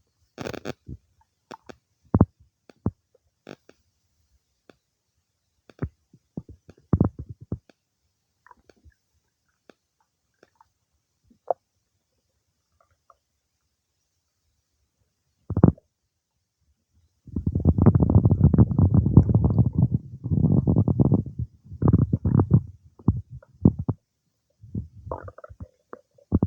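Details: Scattered gurgles and clicks, then a long low rumbling gurgle: normal stomach noises of digestion some time after eating cake; bowel sounds (borborygmi).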